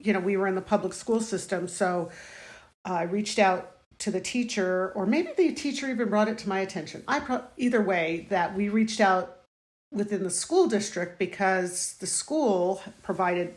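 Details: Adult woman; no speech disorder.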